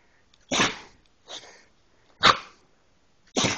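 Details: Four sharp, explosive nasal bursts about a second apart from a pit bull dog; sneezing in a quick series.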